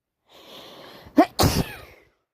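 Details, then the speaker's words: A soft breath in, then a sharp two-part 'ah-choo' sneeze; repeated non-stop sneezing with itchy, runny nose, which the person believes is hay fever rather than a cold. "I think it's hay fever. I can't stop. All right, that's the last few days I have sneezed."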